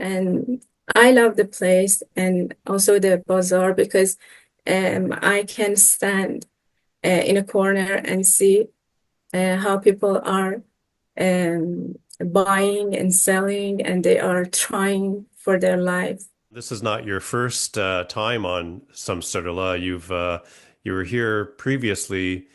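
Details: Adult speakers, a man then a lower-voiced second speaker; ordinary speech.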